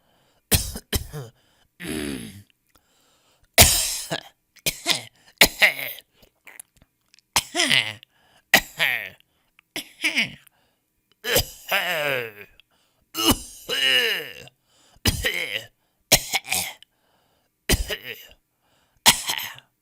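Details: Stock audio of people coughing in different styles: about fifteen separate coughs and throat clears, some dry and sharp, some with a voiced tail.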